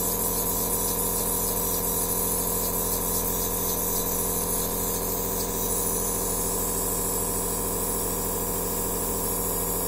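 A steady mechanical buzz with a hiss of spraying air: a nebulizer running.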